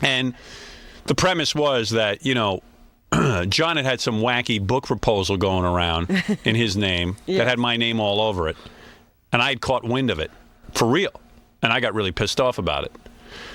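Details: Adult male speaker; typical speech.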